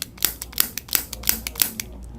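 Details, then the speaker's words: Chiropractic activator instrument used on the jaw of an adult woman with bilateral TMJ pain, tender on opening, to relax jaw muscles; rapid series of about a dozen sharp, light clicks. "so a couple things that we can do we can use the activator"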